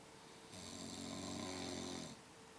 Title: The Snoring Beast...